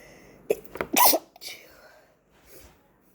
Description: my ears were plugged in this video, courtesy of my oncoming cold. so some of the sneezing have a weird high pitch sound to them.